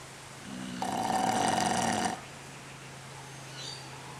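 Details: Loud, harsh snoring breath lasting just over a second with a buzzing rattle, over a steady low room hum; snorer sleeping with eyes open; snoring.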